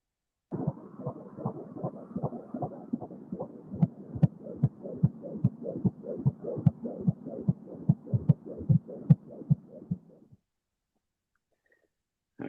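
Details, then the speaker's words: Fetal heartbeat of an expected daughter on a home fetal Doppler: rapid, regular whooshing thumps about 146 beats a minute, within normal fetal range. "so that's my favorite heartbeat star because my wife is pregnant and i'm expecting a daughter in in june and so we went out and got a fetal doppler scanner so we could hear the heartbeat"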